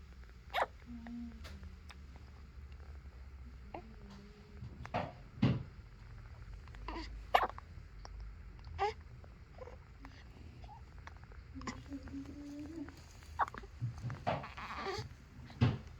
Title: May 17th - Hiccups!